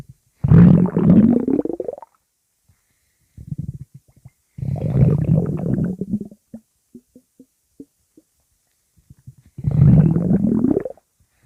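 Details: Pug's stomach growling: three long, low, rumbling gurgles with rising pitch and scattered small pops; normal gut movement (borborygmi).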